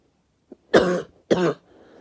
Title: Short cough